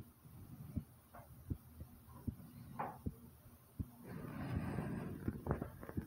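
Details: Soft, regular low thumps roughly every 0.75 seconds, about 80 a minute, with some rustling; own heartbeat recorded starting slow, then rising.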